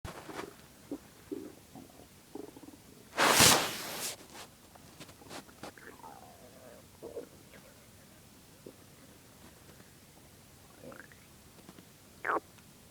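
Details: Stomach growling after not eating for 5 hours: quiet gurgles and one loud, drawn-out rumble from an empty stomach; normal hunger bowel sounds (borborygmi).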